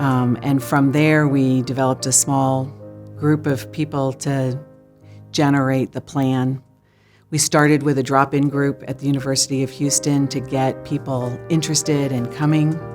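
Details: Adult speaker; Normal speech.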